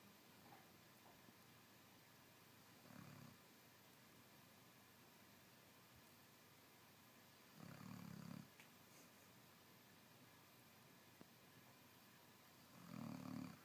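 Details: Three low rumbling snores about five seconds apart over steady room hiss; ordinary snoring.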